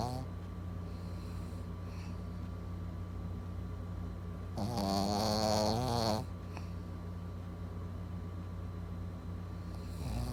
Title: Cute puppy snoring